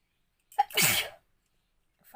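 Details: Sneezing challenge induced with pepper, no handkerchief: a short in-breath, then a single sharp explosive sneeze.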